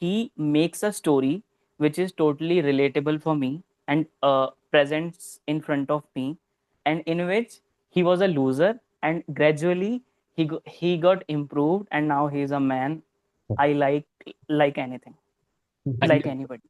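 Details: Adult man who self-identifies as a person who stutters and says he is ashamed to stutter in front of people; speech showing stuttering.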